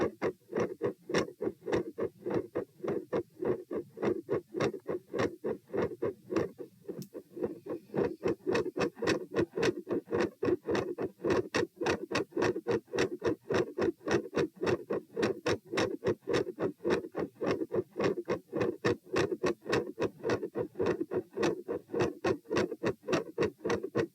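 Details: Auscultation stress test at chest position P, with the subject lying, sitting, standing, then lying again (72 bpm supine, 84 sitting, 108 standing): fast, regular heart sounds with sharp mid-systolic clicks and a split second heart sound (S2).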